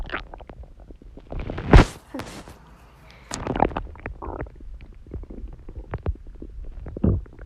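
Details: Girl's stomach growl: low gurgling, rumbling bursts of ordinary bowel sounds (borborygmi).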